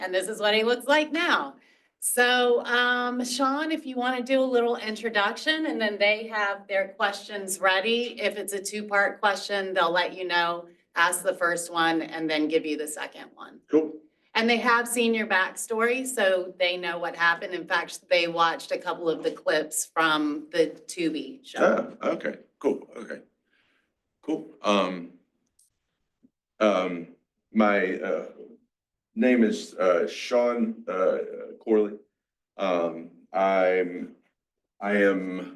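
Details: 47-year-old man with mixed Broca's and Wernicke's aphasia after a massive stroke 6 years ago, with onset in his 40s. He had to relearn to talk, and still has word-finding blocks. Finding: aphasia (mixed Broca's and Wernicke's).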